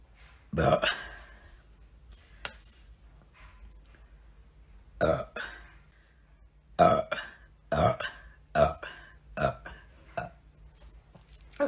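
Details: A run of about seven loud, deep, voiced belches over quiet room sound; repeated burping.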